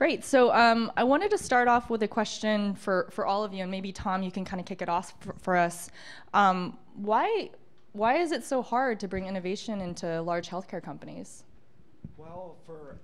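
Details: Adult woman speaking; normal voice.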